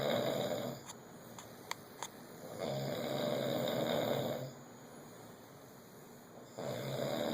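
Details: Snoring in St. John: rough, buzzing snores of about two seconds each, with quieter pauses and a few small clicks.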